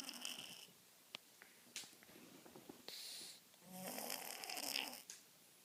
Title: Snoring cat